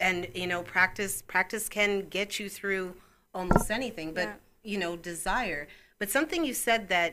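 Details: Adult woman speaking; Normal fluent speech.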